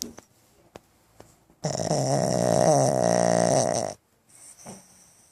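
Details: Pug dog with eyes open: a loud, rattling, vibrating snore lasting about two seconds on breathing in, between quiet breaths: snoring.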